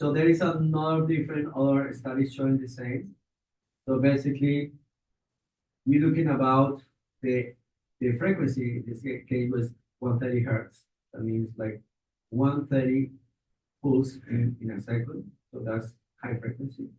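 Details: Adult man; normal speech.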